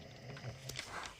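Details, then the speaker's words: Someone referred to as "him" snoring at around 5 am in a quiet room: brief, low, rumbling light snores. "Mais du coup si vous entendez des petits ronflements, c'est lui."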